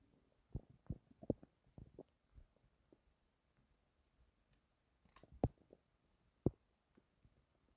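Quiet, irregular gurgles and clicks from the belly in a still room: ordinary bowel sounds.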